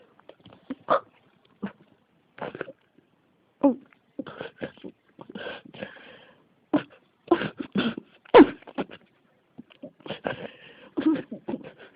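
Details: A coughing fit in an ASMR cough recording titled "the cough won't stop": repeated coughing that keeps going, a persistent cough.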